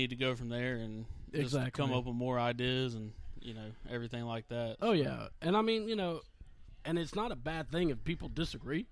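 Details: Adult male speaker; Normal voice.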